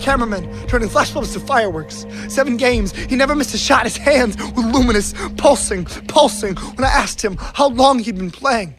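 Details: Adult male speaker reciting poetry; normal speech.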